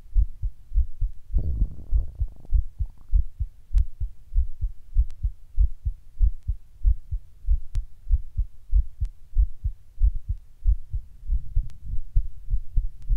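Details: Sudden palpitations recorded while sitting at rest: strong, thumping heartbeat near 98 per minute with uneven spacing, intermittently speeding up; heart felt beating weird and hard.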